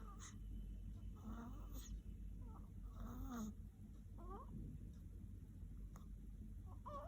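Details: Soft, rough snoring from a sleeping baby, a few seconds apart, over a steady background hum; baby snoring during sleep.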